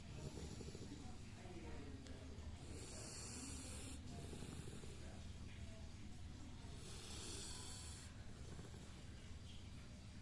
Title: Lab Dog Snoring(sound sleep)